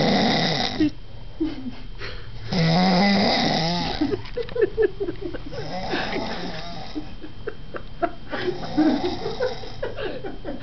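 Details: Person snoring: loud, rough, rattling snores on each breath with fluttering throat vibration, in a small room; heavy snoring.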